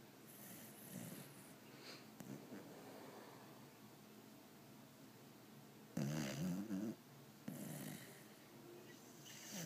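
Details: Pitbull dog snoring very loudly in sleep, loud enough to wake the owner: low, rough snoring over steady room noise, with one loud rattling snore near the end.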